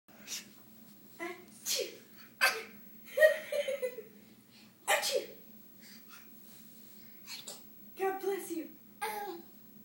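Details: Short breathy bursts mixed with voiced sounds and giggles from a person playfully faking sneezes; imitated sneezing.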